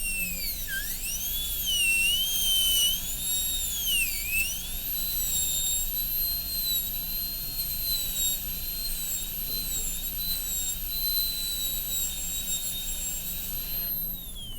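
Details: High-speed dental handpiece cutting during gingival extension of the boxes in an MOD amalgam preparation on tooth 29 of an Acadental typodont: a high-pitched whine that dips in pitch under load, then recovers and runs steadily.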